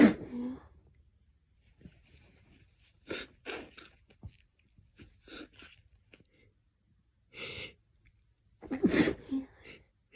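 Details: Sneezing after a person sensitive, but not allergic, to lavender puts their face into a lavender-scented pillow.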